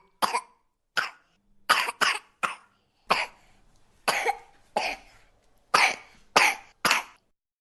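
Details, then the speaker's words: Productive (wet) cough: about eleven short, loose coughs in bursts that bring up and clear phlegm from the lungs and bronchi, as opposed to a dry, irritating, barking cough. "Продуктивний кашель - це тоді, коли є мокрота, коли нам потрібно допомогти нашому організму швидше вивільнити легені бронхи від мокроти."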